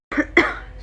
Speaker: you can see my eyes are red it's because of this cold I hate cold I hate it the most